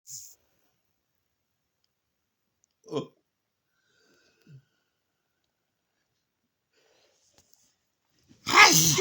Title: My rugby Wales v Scotland 6N Six nations preview, sort of, during one of my histamine attacks sneeze